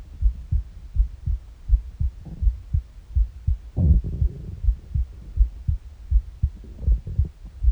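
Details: Morning recording of a steady, regular low heartbeat at about 80 per minute, with intermittent rumbling gurgles from an empty stomach; normal heart sounds with bowel sounds.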